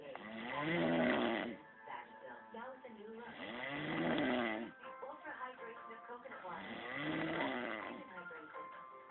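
Loud rattling snores on each breath in, about 19 a minute, with quieter breathing between; faint music in the background. Ordinary snoring.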